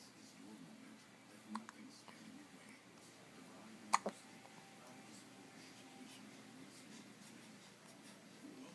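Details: Two or three short, sharp hiccup sounds in a quiet room; recurrent hiccups.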